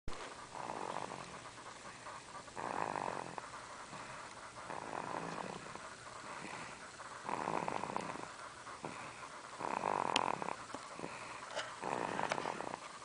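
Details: Sleeping animal napping: soft, rhythmic snoring breaths about every two to three seconds, with low room noise; snoring.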